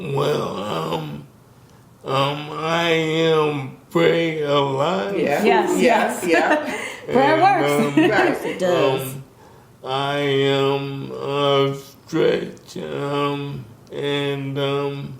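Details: Man with ALS, diagnosed 2020, symptoms since 2017, onset affecting speech starting with a raspy voice; wife says he can speak but with a little delay; dysarthria (ALS).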